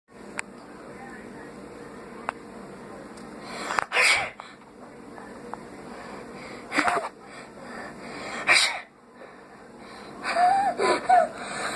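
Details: Faked sneezing, done with eyes open: several sharp, explosive bursts a few seconds apart, each with a quick intake before it; the person says they feel lightheaded and admits the sneezes were fake.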